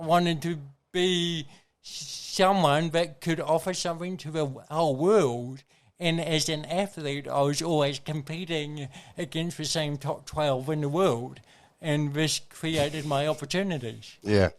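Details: Adult man with congenital cerebral palsy, a brain injury from oxygen loss during birth, with thinking intact; real dysarthria with shaky voice (cerebral palsy).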